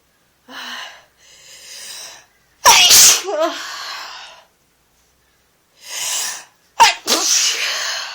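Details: Adult sneezing in bed while coming down with a bad cold: wheezy in-breaths building into two forceful, explosive sneezes.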